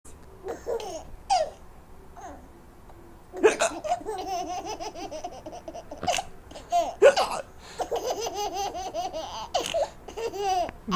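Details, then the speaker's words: Young child laughing in bursts, interrupted by abrupt, sharp catches in the voice from hiccups; child still has hiccups; hiccups. "do you have the hiccups? Oh, you still got it. You still have them."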